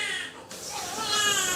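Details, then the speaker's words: Newborn boy's first cry just after birth, after heart rate kept dropping during labor: brief, high, strong wail with music behind it; a normal healthy first cry. "he then he just started screaming and it was great cuz it was great to actually hear his little cry just that's all I wanted to"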